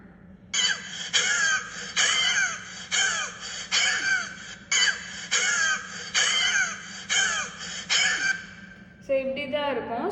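A run of about ten harsh, rasping cough bursts in quick succession, with a grating, sawing quality.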